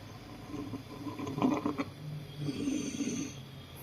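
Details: Stridor in an adult male lung-cancer patient with a hard, enlarging right neck lymph-node mass present for months, causing central airway obstruction: two harsh, coarse, low-pitched noisy breaths.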